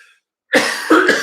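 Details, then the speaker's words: Two quick, harsh coughs in close succession from an adult with asthma, triggered by moving air from a fan; an irritant cough. "I would turn this fan down it's making me cough the moving air makes my asthma bad"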